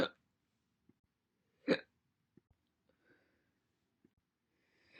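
Two sharp, abrupt hiccups against a quiet background. Typical hiccups.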